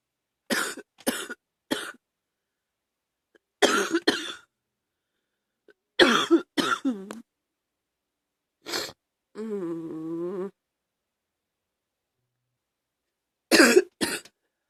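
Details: Day 4 of a viral illness now moving into the chest: repeated harsh cough bursts in short clusters with a drawn-out voiced groan, a chest cough.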